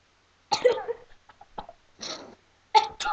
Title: sleeping and sneezing as a comic